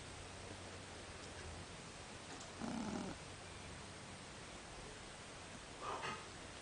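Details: Two-month-old Shih Tzu puppy snoring in sleep: two low rumbling snores about three seconds apart over a steady background hiss.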